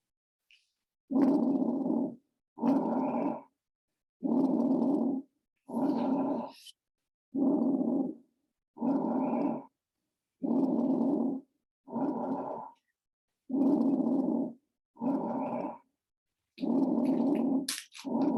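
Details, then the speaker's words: Library teaching recording of lung crackles: regular breath sounds with a rough, rattling, crackly quality through each phase, separated by quiet pauses; most likely heard at the lung bases, finer crackles suggesting more fluid. "um yeah so if you hear these crackles uh be concerned your flute your your most likely hear the hear these sounds at the bases especially if you hear them fine"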